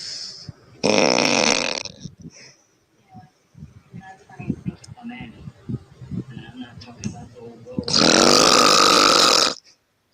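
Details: Adult woman snoring: two very loud, harsh open-mouth, back-of-throat inhaled snores with quieter throat noises between; heavy snoring.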